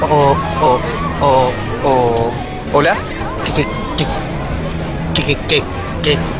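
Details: Adult male actor in a commercial; stuttering (acted).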